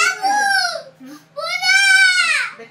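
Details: A young girl cries out loudly in two strained, wailing bursts during an ear piercing, a sharp pain cry.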